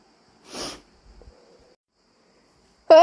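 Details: Induced wet, messy sneeze: one forceful wet sneeze, then soft sniffling and a short voiced sound.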